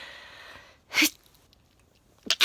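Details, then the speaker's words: Person with frequent sneezing, sneezes recently more severe and jaw locking, kneeling: after a brief quiet pause, a sharp explosive sneeze, then the start of another burst; sneezing. "i've noticed a change in my sneezes as well they've got they're more like so i think i'm getting a lot more of a a lot more of"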